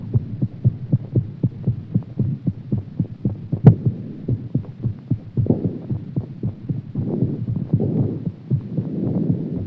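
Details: Strong, rapid, regular heartbeat at about 150 a minute with some background hum; rapid heartbeat after exercise.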